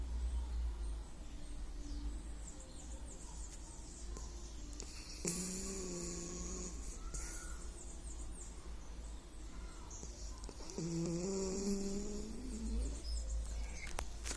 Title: meu cachorro roncando/my dog snoring 🛌